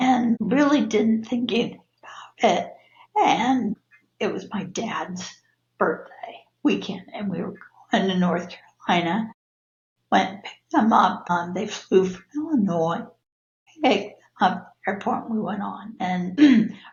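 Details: Adult woman with laryngeal dystonia, abductor type with adductor features, sudden onset on waking in 2017, first misdiagnosed as strep throat and muscle tension dysphonia; worsens with stress; cervical dystonia; Botox and filler insufficient; spasmodic dysphonia.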